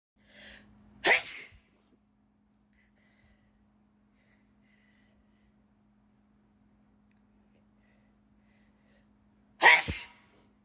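Two sharp, explosive sneezes, each preceded by a quick indrawn breath, with a long quiet gap between them.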